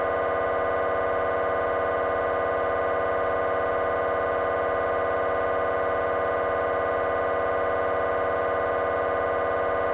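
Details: MRI gradient noise from a GE 3T scanner, temporal bone (Felsenbein) protocol, during a coronal T1 fast spin echo sequence: loud, steady, rapid buzzing hum pulsing about 200 times a minute.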